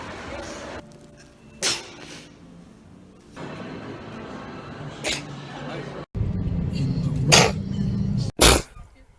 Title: SNEEZA sneeze compilation